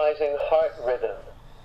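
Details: Training automated external defibrillator during CPR class demonstration: short spoken prompt in a flat recorded voice after switching on, before a shock to the manikin.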